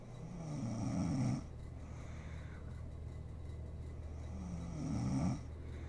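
Two deep, rattling snores on in-breaths about four seconds apart, with quiet breathing between; ordinary snoring during sleep.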